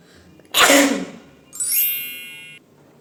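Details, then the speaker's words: Woman's single sharp, explosive sneeze, deliberately induced by sniffing chili flakes during a sneezing challenge aiming for 20 sneezes; early in the series, followed by a short musical sting. "And यह chilli flakes से मुझे 20 times sneeze लाना है पता नहीं कैसे हो पाएगा"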